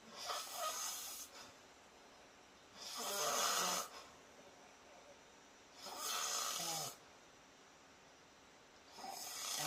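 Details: Dog sleeping in a comfortable position: steady, rough, hissing snores about every three seconds, around 20 a minute; ordinary snoring.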